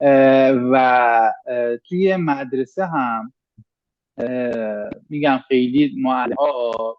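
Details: 25-year-old Iranian man speaking Persian who has stuttered since middle school; after professional speech therapy he improved significantly but still stutters; stuttering.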